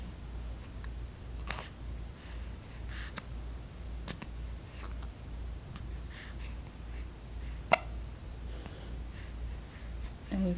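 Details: Wide awake with repeated short, sharp hiccup clicks every one to two seconds in a quiet room; hiccups.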